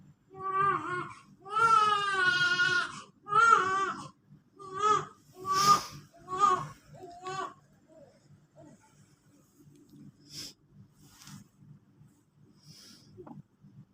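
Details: Baby unable to sleep because of a cough cries in several loud, drawn-out, distressed bursts, then settles into soft intermittent whimpers. Infant crying.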